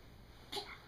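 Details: Young girl (toddler) gives a short, breathy pretend sneeze when asked to show how she sneezes, after a moment of quiet room noise.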